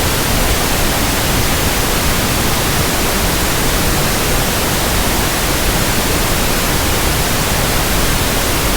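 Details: Steady, even hiss of pink noise, softer and deeper than white static: a simulated tinnitus sound for matching a persistent background hiss or ringing in ears.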